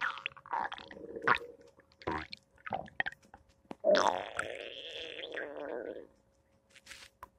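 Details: Bowel sounds (borborygmi).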